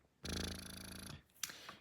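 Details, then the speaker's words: Spectra S1 Plus electric breast pump switched on with no pump parts attached: a buzzing, pulsing motor for about a second, then a softer click and hiss, the pump's suction cycle. "So what's great is you have the power button, and so you can hear it suctioning."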